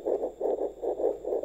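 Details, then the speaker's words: An Omicron fetal Doppler probe with gel slides left and right over the pregnant mother's abdomen before finding the spot, giving rhythmic hissing, scratchy whooshes with no clear fetal heartbeat yet: fetal Doppler static with the probe not on the fetal heart. "ketika menggesernya ke kanan ke kiri kalau belum pas dia akan kesek kesek kesek kesek seperti ini ya"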